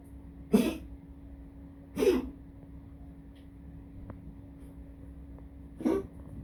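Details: Dog coughing in the toilet before going to pee (11 Feb 2025): three short, harsh, separate cough-like bursts over about six seconds, with steady room hum.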